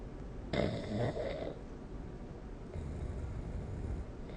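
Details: Snoring recorded with the SnoreLab app: one rough, rumbling snore on an in-breath, then quieter breathing over steady room noise.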